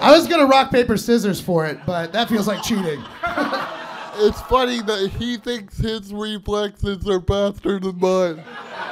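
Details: Adult male speaker; ordinary speech.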